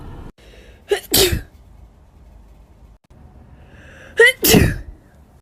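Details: Woman sneezing: two forceful sneezes, each with a quick in-breath and then an explosive burst.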